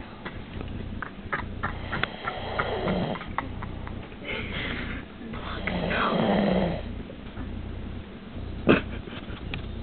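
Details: Sleeping female dog snoring while her nose is plugged: low, rumbling, growly breaths with some rustling.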